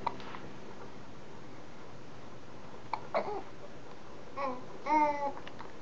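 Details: A young child's hiccups: brief sharp catches a few seconds apart, some followed by short voiced baby-like sounds, over faint background music and room hum.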